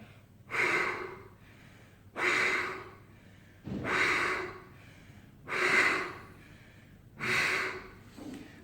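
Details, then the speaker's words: Five rescue breaths in a single-rescuer child CPR demonstration, given after an airway manoeuvre to a child who is not breathing: five evenly spaced breathy blows, about one every 1.6 seconds. "Öncelikle havayolu manevrası sağladım buna rağmen solmayan hastaya 5 kurtarıcı soluk"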